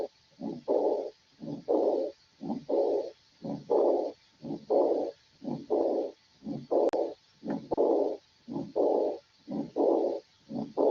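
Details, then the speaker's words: Regular heartbeat at about 60 a minute, each beat joined by a long, loud blowing diastolic murmur; severe aortic regurgitation murmur. "En una insuficiencia severa. Esto es en una insuficiencia severa, ¿ya?"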